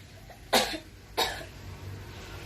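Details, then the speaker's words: Child during a nursing student's postural drainage and suction practice demonstration, taught a voluntary effective cough to clear sputum: slow deep breath, held about 2 seconds, then two strong, short coughs in quick succession. "Ayo deh, tarik nafas ya. Tahan selama 2 detik. Boleh dibatukkan 2 kali."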